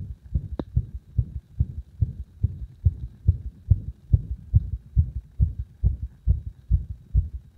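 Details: Heartbeat with an arrhythmia induced by gradually increasing pressure on the heart: strong, fast low beats at about 140 a minute with uneven spacing between some beats.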